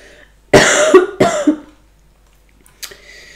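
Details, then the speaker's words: Adult woman, speaking during a recorded reading, gives a brief run of two harsh, rough coughs in a quiet room and apologises for coughing: an ordinary cough. "Je suis désolée de tousser comme ça. Franchement, j'ai pas toussé. Et là, je tousse de ouf."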